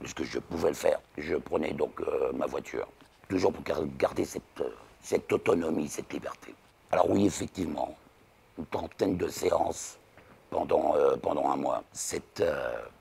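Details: Alaryngeal speech in a 59-year-old man after total laryngectomy for laryngeal cancer; relearned speech after 3 weeks of rehabilitation with physiotherapists and continues speech therapy, including intonation work; can no longer laugh aloud.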